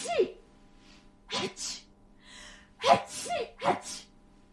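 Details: Quick run of about five small, sharp sneezes with a short snuffle between; repeated sneezing.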